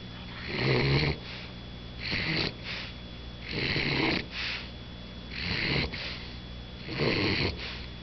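Loud, rough, rattling snore on each breath in, with a shorter snuffle after, about 25 breaths a minute. A flat-faced puppy's snoring.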